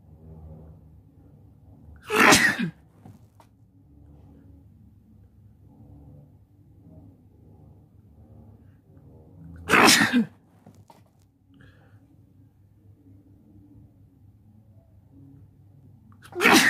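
Three loud sneezes about seven seconds apart, with quiet background between them; repeated sneezing.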